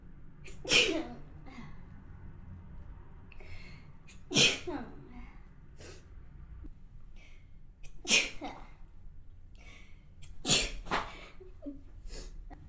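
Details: Four sharp sneezes at roughly even spacing, each a sudden forceful burst with a brief intake before it.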